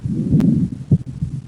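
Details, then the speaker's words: Low heart sounds with paradoxical splitting of the second heart sound in left bundle branch block, alternating with expiration and inspiration cues. "good second heart sound in left bundle branch"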